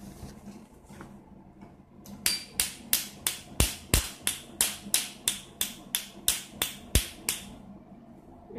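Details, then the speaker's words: Sharp, regular snapping pulses, about three per second, from a portable Q-switched Nd:YAG tattoo removal laser (LS-Y8) firing after start is clicked and the foot pedal is pressed; a frequency of four or five is suggested. "we suggest that you use four or five frequency to protect it with the machine they click on start and you still need step on the pedal to do to it"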